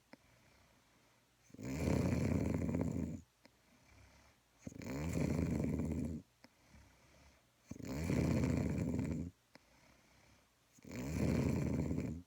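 Four loud, rough rattling snores on breathing in, about 20 breaths a minute, with quiet breathing out between them; snoring.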